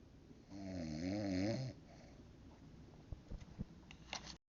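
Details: Mother snoring in her sleep at 3 am: a single deep, buzzing snore on the in-breath, then quiet breathing with faint room noises.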